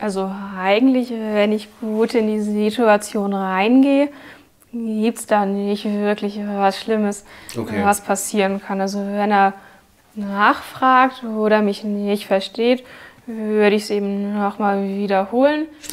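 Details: Stuttering with fluency-shaping (prolonged speech, soft onsets) learned in the intensive Kassel stuttering therapy course, which the speaker completed.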